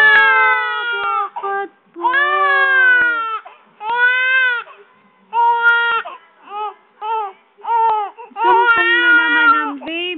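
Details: A baby in a fussy tantrum, feeling hot and wanting a bath, cries with repeated loud wails and short breaths between them; infant crying.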